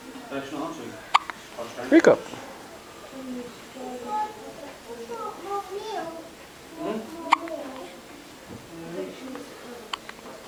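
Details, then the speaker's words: Newborn boy on day 1 in hospital with hiccups: sharp, brief hiccup sounds against soft infant vocalizing and adult voices coaxing him in a small room; he dislikes them. "Go on, give us a hiccup. Hiccup. He hates it. Hiccup. Oh, you got the hiccup."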